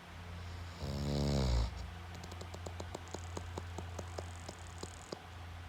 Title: Snores Like Machine Gun